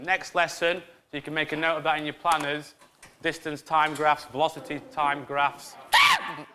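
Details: Adult male teacher; normal fluent speech.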